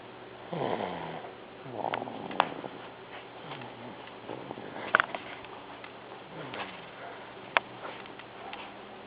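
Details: A sleeping infant girl who sleeps hard breathes with soft, rapid, rhythmic rattling breaths, each with a low vibrating snore, over faint room noise; infant snoring.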